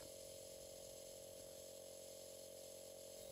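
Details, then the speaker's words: Philips Home Nebulizer, an AC air compressor with a side stream nebulizer, running during home aerosol therapy while the user sits upright breathing slowly through the mouth: steady mechanical buzzing hum. "switch on the unit make sure mist is visibly coming from the mouthpiece or mask if using a mask place securely in position over the nose and mouth and breathe slowly in and out through the mouth"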